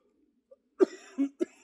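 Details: Productive cough after a set during a shoulder workout; the lifter says the wheezing is from mucus in the airway or upper lungs.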